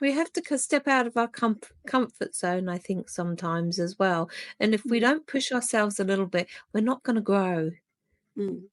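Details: Adult woman speaking; normal voice.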